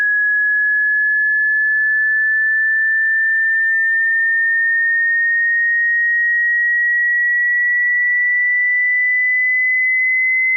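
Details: Hearing test: a single steady pure tone slowly rising in pitch, a frequency sweep.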